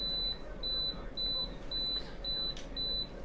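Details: Apex locator measuring working length of a patient's palatal canal (size 10 file, estimated 18 mm) during root canal treatment; rapid, regular high-pitched beeps, roughly two per second, over room hum.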